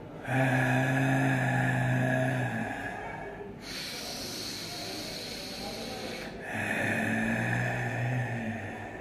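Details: Patient with unilateral vocal cord palsy (described as excised), repeating a voicing task when asked, recorded before speech therapy; dysphonia from unilateral vocal cord paralysis.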